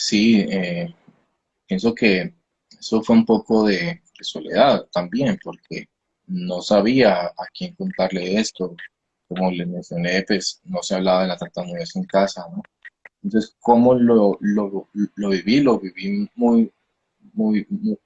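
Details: Stuttering in a 29-year-old man, himself a speech-language pathologist, with onset at age 13; he believes it was emotionally triggered around a hospitalization, with a genetic component since his father also stutters; finding: stuttering.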